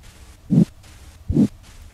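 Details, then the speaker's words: Abdominal bruit demonstration from a physical-examination guide, listening with a stethoscope over the right renal artery, aorta and left renal artery of a supine patient: soft low-pitched whooshing with each pulse, a renal artery bruit. "listen for breweries over the right renal artery aorta and left renal artery if present a bruit would sound like this"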